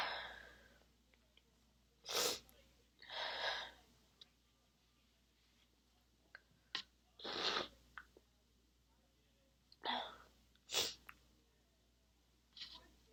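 Several muffled, suppressed sneezes, each a short sharp puff with a quick breath before, spaced a few seconds apart; ordinary stifled sneezing.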